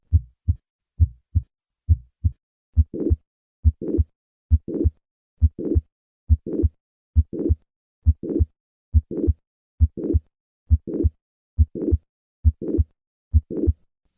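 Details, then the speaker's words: Mitral regurgitation due to mitral valve prolapse: regular heartbeat near 68 a minute with a crescendo murmur starting in mid-systole and rising into the second heart sound; mid-to-late systolic murmur. "When mitro regurgitation is due to mitro valve prolapse, the murmur may be crescendo in character beginning in midscy and increasing to the second heart sound."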